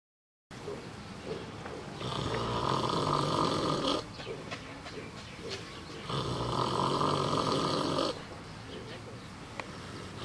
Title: Snoring Pig